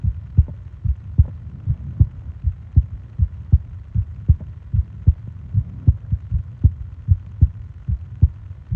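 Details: Heartbeat and breathing sounds for ASMR sleep: a regular low thumping heartbeat at about 78 beats a minute over a soft, steady hum; a normal heartbeat.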